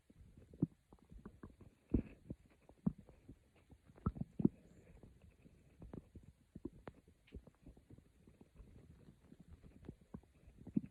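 Soft, low gurgles and bubbling rumbles, irregular and continuous. These are ordinary stomach growls.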